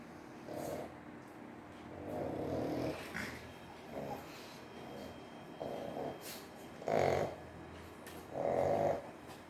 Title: Come listen to the pug's snoring#lovely pug#